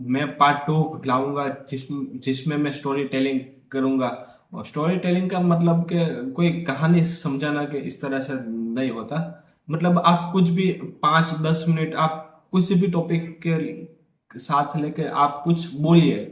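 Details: Adult man who stammers and practises daily in a fluency series (Day 17); he says he stammers more with particular people such as his father, which he calls subjective stammering; stuttering.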